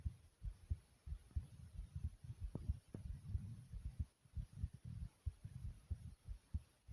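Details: Thumping heartbeat, a tad bit fast after jumping in place; fast heartbeat after exercise.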